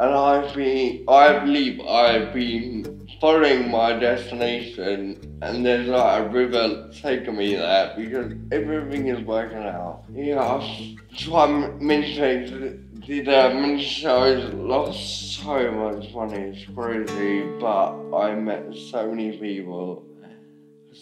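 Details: Adult man with ataxia, a rare degenerative cerebellar disease affecting speech, muscle control, walking and swallowing; slurred speech often mistaken for drunkenness: ataxic dysarthria.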